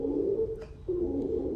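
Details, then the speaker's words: Stridor: an example sound for a thorax auscultation tutorial, a loud, steady musical breath noise in two phases with a short pause, from a narrowed upper airway. It is mostly heard on inspiration but can occur on expiration. "nafas stridor terdengar seperti hijtink sout dimana sering terdengar di saat inspirasi namun dapat juga terdengar di saat ekspirasi"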